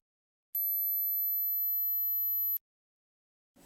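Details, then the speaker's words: Pure-tone hearing test tone (high-frequency band) in a simple low/mid/high hearing-loss screening, given on a dementia check program to a person who had reported poor smell; steady very high-pitched tone, listener unsure hearing it. "지금 이제 보시는 것은 간단하게 진행된 난청 테스트입니다 저음역대 중간음역대 고음역대 중에서 인지하는데 어려움이 없는지 그런 걸 테스트하는 거거든요"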